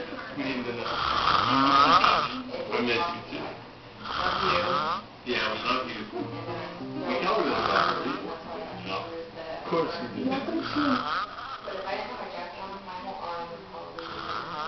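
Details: Drunk man passed out on the couch, snoring loudly: rattling snores repeating every few seconds, with music in the background.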